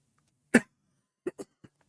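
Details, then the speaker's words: Adult man recovering from a cold, 24 hours without fever, still coughing up phlegm with some sneezing: one harsh cough burst followed by a few smaller throat-clearing coughs. "So, still having a little bit of cough, still having some fleg coming up and stuff."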